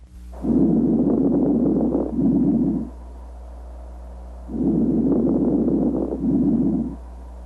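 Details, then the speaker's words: Rhonchi / coarse crackles: breath sounds changing as air moves from larger into smaller airways and passes through fluid, mucus or narrowed airways. "the sounds produced by breathing change as air moves from the larger Airways [Music] into the smaller Airways breath sounds also change if they pass through fluid"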